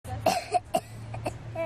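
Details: Schoolchild coughing on request during a childhood cough outbreak; her cough is attributed to allergy and has eased somewhat; cough.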